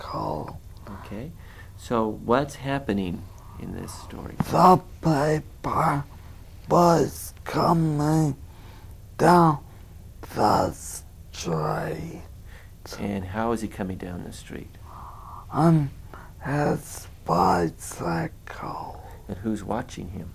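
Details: Adult male examiner speaking; normal speech.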